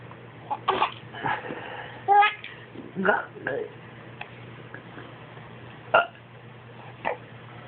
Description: Baby giggles every time Daddy Burps.